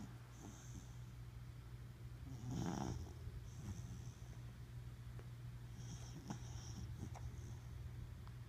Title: Snoring Corgi- Ryder Rogue